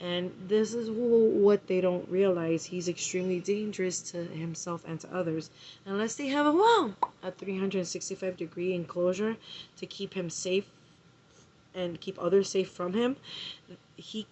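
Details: Vocal tics in a 39-year-old woman newly diagnosed with Tourette syndrome by a neurologist; sudden interjections and repeated words break up her speech.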